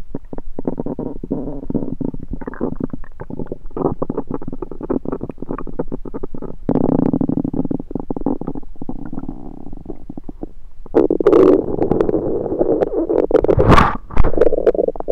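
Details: Loud continuous gurgling and rumbling with bubbling surges toward the end, recorded over the recorder's own abdomen with a USB stethoscope; active stomach rumbling (borborygmi).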